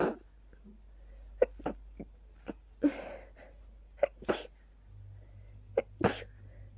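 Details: Rapid sneezing fit attributed to pollen, initially stifled, with watering eyes and nose growing stuffier each sneeze; a run of sharp explosive sneezes, roughly eight in under seven seconds.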